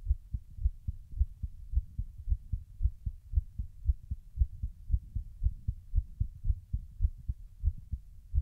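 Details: Normal heart sounds at the mitral area (apex): regular low paired thumps, about 110 a minute, normal first and second sounds.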